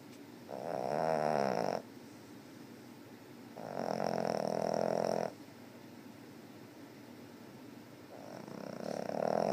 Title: 8/18/2013 snoring 2